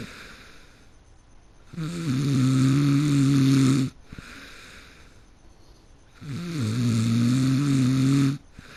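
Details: Person fell asleep mid-game: loud, deep rattling snores on each breath in, about two seconds long, separated by quieter pauses; heavy snoring.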